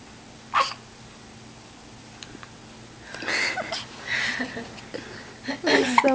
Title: CMAL with hiccups